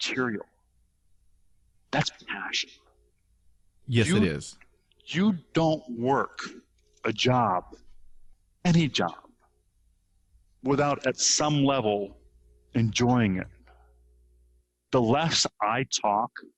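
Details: Real stuttering in an adult man who stutters, with repetitions and part-word repetitions; finding: stuttering.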